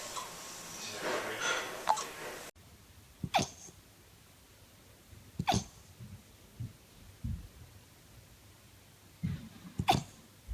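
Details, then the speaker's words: A puppy gives sharp, sudden hiccups every few seconds, with small grunts between them; puppy hiccups. "kind of hard to sound tough when you're hiccuping."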